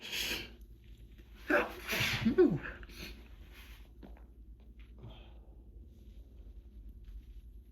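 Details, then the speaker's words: Hay fever sneezing fit, final bout of the season: two or three big, forceful, wet sneezes in quick succession, then quiet breathing; allergic rhinitis. "And again, it just keeps coming. And again. And again. And again. And again. I'm gonna sneeze."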